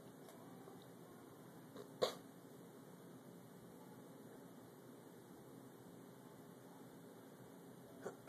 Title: Hotel hiccups part 3 of 4 has hiccups!